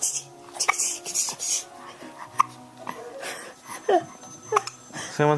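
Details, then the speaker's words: Infant with recurring hiccups, recorded on a home video camera: about five short, sharp hiccup bursts with small voiced catches over faint room noise. "Oh someone's got the hiccups see too much thumb"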